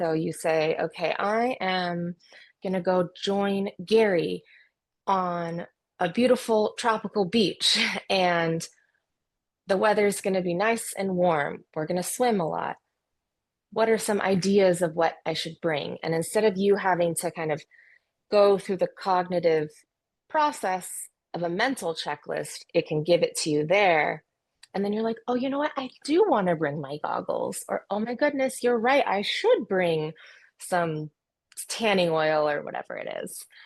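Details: Adult woman speaking; normal speech.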